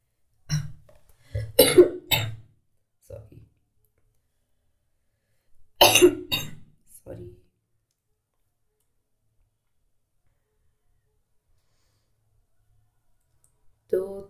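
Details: Two clusters of short harsh coughs with throat clearing, separated by silence, from a woman suffering from a heavy cold and cough that day.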